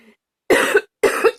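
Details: Hard coughing from an adult: two forceful, harsh coughs in quick succession.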